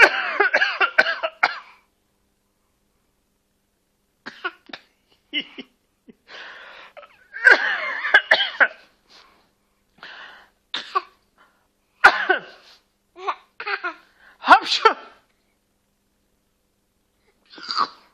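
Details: Little girl fake coughing in play, imitating her parent's cough: repeated short, forced cough sounds.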